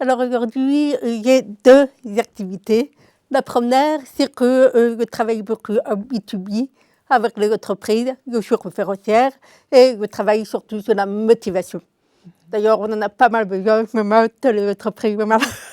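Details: Adult woman, deaf from birth, diagnosed at 9 months; a doctor predicted she would never speak; oral speech learned through 20 years of speech therapy, three sessions a week; deaf speech (congenital deafness).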